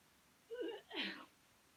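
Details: Single sneeze after dizzy bat spinning challenge: rising voiced intake followed by forceful hissing burst.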